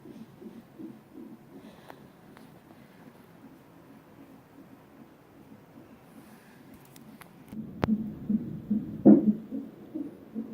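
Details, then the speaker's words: Fast, soft rhythmic whooshing pulses on a fetal monitor: normal fetal heartbeat during labor induction with Cervidil, mother a fingertip dilated and not effaced, baby doing well. "still doing really well on it. I don't know if you can hear her heartbeat."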